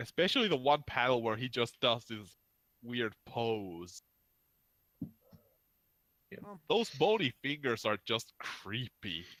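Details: Adult male speaker; ordinary speech.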